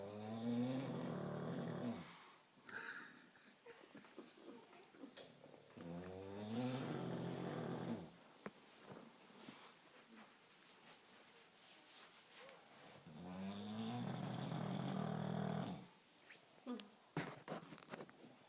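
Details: Bulldog snoring in sleep after a day of fresh air: three long, loud, rattling snores about every six seconds with quiet pauses between; heavy snoring.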